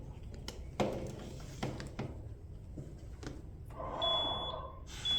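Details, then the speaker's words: Zoll ventilator demonstrated for paramedics, no patient attached: clicks and handling noise, then a high electronic alarm tone signaling patient disconnection. "so turn it on and then let's say if I'm going to turn it off patient attached to it it's going to say"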